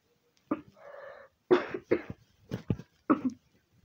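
A run of about five short, harsh coughs from an adult man, with a breathy rush of air between.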